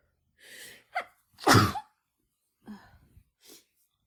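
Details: Female with the flu using chhinkni to set off sneezing: a quick in-breath, a loud explosive sneeze, then smaller sneezes and breaths; repeated sneezing.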